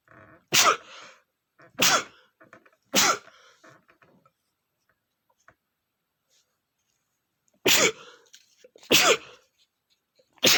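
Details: Adult male sneezing after smelling flowers: five loud, sharp sneezes with quick inhalations before them, the first few partly held back.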